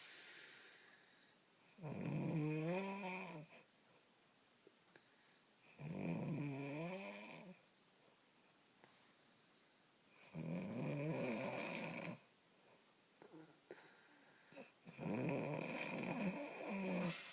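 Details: Loud, rattling snores with a whistling, tonal edge, about four with quiet pauses between, from a sleeping dog.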